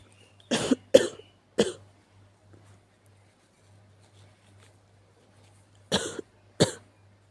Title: 気持ち悪い咳 sick cough and sneeze